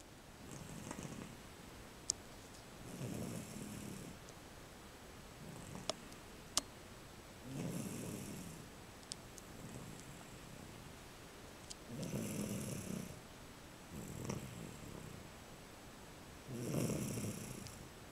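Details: Gentle, low snuffling snores at a slow, steady pace of about 13 breaths a minute, with faint clicks in a quiet room; light snoring.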